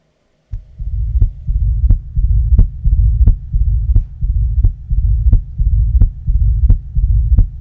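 Regular heartbeat near 87 a minute with a low rumbling murmur filling the gaps, typical of mitral stenosis.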